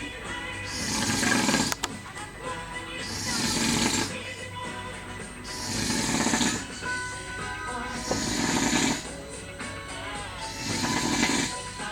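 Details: Person snoring in a hotel: loud, rough snores about every two and a half seconds, roughly 25 a minute, over background music.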